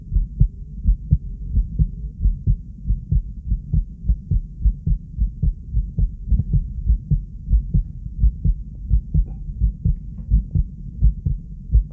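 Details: Fast heartbeat.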